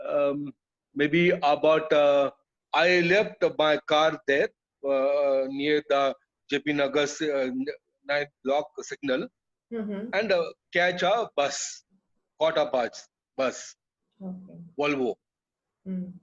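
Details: Adult male with chronic aphasia after a sudden stroke to the speech centre with no limb involvement; he lost all speech, was told he would never speak again, and recovered with speech therapy but still struggles to finish sentences.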